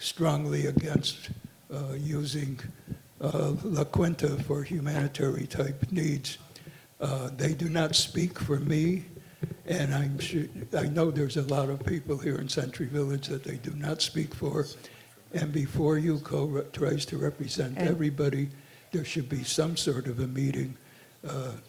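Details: Adult man speaking at a meeting; normal conversational speech.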